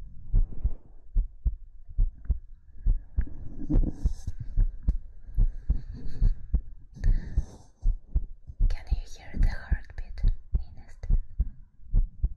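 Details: ASMR heartbeat recording: regular low thumps at about 72 beats a minute under soft whispering, an ordinary normal heartbeat.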